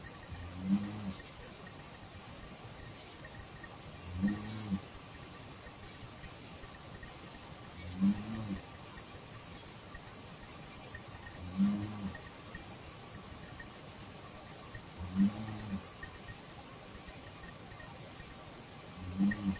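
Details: Sleeping person after clonazepam, noted possibly in REM sleep, uncertain whether moaning or snoring: low, voiced groaning sounds with each breath, about 17 per minute.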